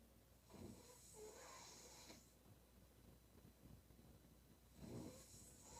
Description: Crazy Snoring noise😨 she is really crazy